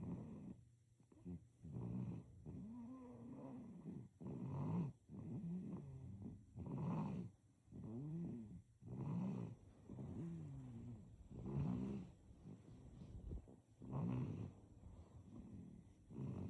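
Soft, quick, rhythmic snuffly snores with a purring, slightly squeaky tone, about 25 a minute. Light snoring in a sleeping baby.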